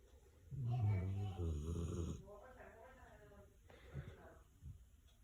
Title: Dog snoring 😴 😂